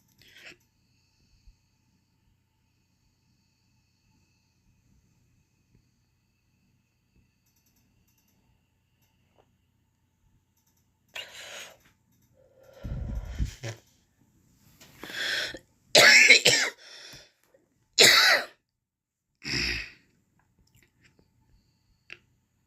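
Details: Adult vaping Cosmic Apple e-liquid and attempting long inhalations: after a long quiet stretch, a short run of about six harsh, uneven coughs; cough after vaping.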